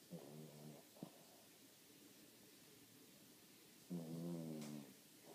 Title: Who's snoring?